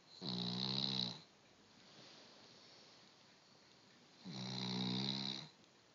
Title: Cavelier king charles- dog snoring